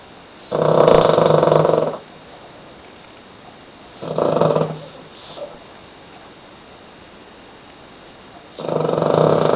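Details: Sleeping peacefully yet snoring: loud, buzzing, rattling snores with a short, softer snort between them during sleep; snoring.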